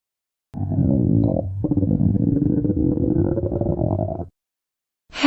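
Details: A long, loud, low growl lasting about four seconds; stomach growling from hunger, a normal sound.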